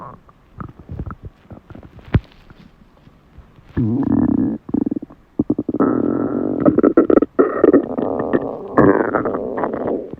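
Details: Hunger sounds of an empty stomach: soft gurgles, then long loud rumbling and groaning growls, more frequent in the latter part; ordinary stomach growling (borborygmi).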